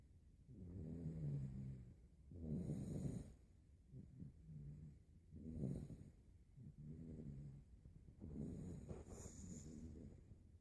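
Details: Harvey, an 8-week-old puppy, sleeping deeply after hard play: low, rumbling snores on each breath, about four in ten seconds, with quieter breathing between.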